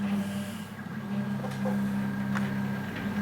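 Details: Homemade open-source Covid-19 mechanical ventilator built from 3D-printed parts with a Teensy 3.2 board, running: steady low mechanical hum with faint clicks and shifts.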